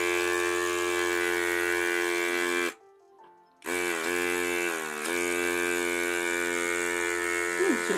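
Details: Neilmed battery-operated electric nasal aspirator suctioning mucus from a nearly one-year-old girl's nose after saline spray, sitting: steady mechanical whirring, briefly stopping, then resuming with changing pitch.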